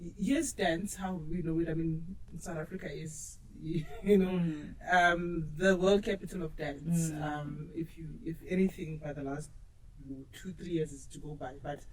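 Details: Adult speaker; normal speech.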